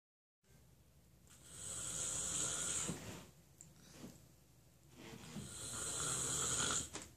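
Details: Two loud, hissing, rattly snores on breathing in, with quieter breathing out between them: snoring.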